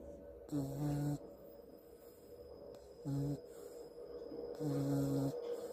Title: puppy snoring 🧡 #dollylife #lifeofdolly #puppy #snoring #sleep #cute #love #dog #follow #subscribe